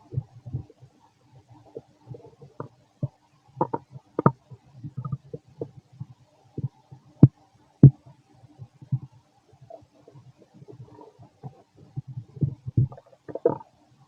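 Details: Fit adult male's stomach growling while digesting, very loud: low gurgling and rumbling bursts with occasional louder pops, irregular throughout; borborygmi.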